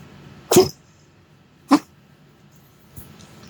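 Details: Dog coughing, recorded 8.10.19: two sharp, harsh cough bursts about a second apart, then a faint third, in a quiet room; a coughing episode.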